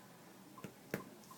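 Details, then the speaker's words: Chest percussion on the back just below the scapula, where the ribs run more horizontally, during a cardiac/respiratory assessment: two brief, hollow taps give a resonant note, a normal finding. "now listen carefully that's resonant that's resonant"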